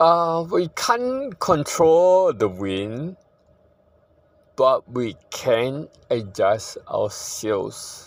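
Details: Possible ataxic dysarthria in a man living with ataxia that he says worsens over generations, with a poor prognosis and declining health.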